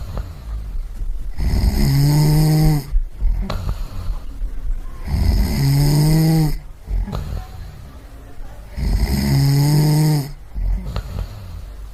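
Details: Loud, rattling snores with each breath in, about 16 per minute, separated by quiet breaths out; snoring.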